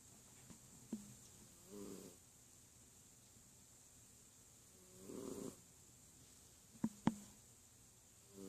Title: Sleepy, Snoring Kitty